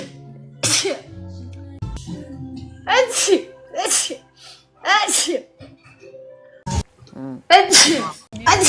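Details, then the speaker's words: Chinese woman with allergy, nose sore from blowing, possibly for two weeks; several forceful wet sneezes in a row, each a loud blast of air, with faint background music; allergic sneezing. "我操为什么啊？等一下，我要打喷嚏。"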